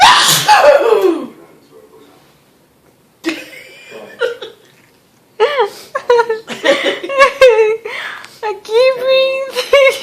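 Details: Sneezing fit in a woman: a forceful sneeze followed by more explosive, voiced bursts in a long run of repeated sneezing.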